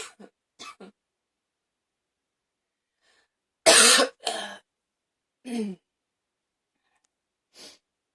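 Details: A person who was a little rough having a coughing fit: a run of rough, forceful coughs, several short ones, then a harsh louder burst and trailing coughs.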